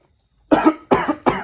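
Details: Three short, sharp cough bursts from an adult, acted in a comedy skit about being mistaken for having Covid-19 over a small cough; simulated cough.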